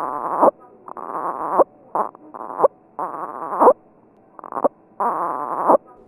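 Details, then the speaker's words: Infant expiratory grunting, a warning sign of infant distress: repeated short voiced grunts on breathing out as the baby tries to keep air in the lungs. "grunting is a noisy breathing sound your baby may grunt to cut air in the lungs"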